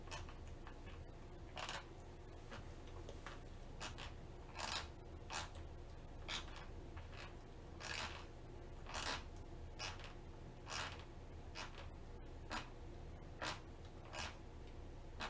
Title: Girl Sleep Bruxism (Teeth Grinding)